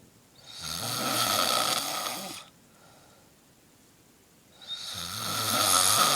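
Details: An adult man sleeping gives two long, loud, raspy snores with a rough vibrating tone, separated by a quiet pause of about two seconds: snoring.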